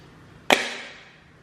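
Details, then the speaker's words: Dexcom G7 glucose sensor applicator fired into the clean arm of a type 1 diabetic: one sharp spring-loaded snap with a brief ringing tail. "this is the applicator device which won't lie terrified me the first time I used it"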